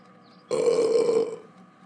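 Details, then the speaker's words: A burp by a character in a comedy skit, scolded as rude: a single steady, droning belch-like sound under a second, likely a produced effect rather than a natural burp. "oscar are you enjoying the sports game yes hey don't burp that is so rude"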